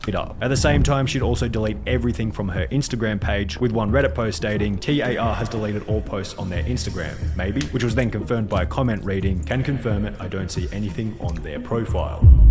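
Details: Adult male narrator; Normal fluent speech.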